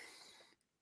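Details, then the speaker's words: A dog gives a brief, harsh, dry hacking cough, heard faintly in the background; the owner says the dog has a little heart condition, suggesting a cardiac cough. "No, that is Lady in her cough. So I'm sorry if Lady has a little heart condition."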